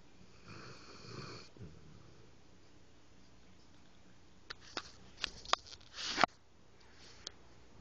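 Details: Snoring.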